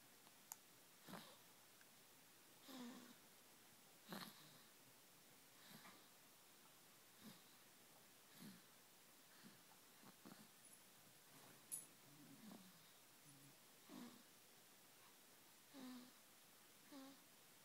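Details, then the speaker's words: A sleeping female dog snores with short, regular, slightly whistling snorts over quiet room noise, said to sound like her owner: snoring. "Child, it's like listening to your father sleep."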